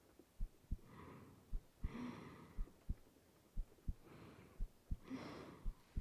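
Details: An ASMR girlfriend roleplay recorded cuddling in bed at night: a normal heartbeat heard as soft, paired, low thumps at about 100 a minute under steady rain and slow breathing.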